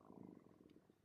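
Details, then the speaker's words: A person notices their own stomach growling while painting during a live stream: a low, bubbling, purr-like rumble lasting about a second, ordinary borborygmi. "my goodness, can you hear my stomach growling?"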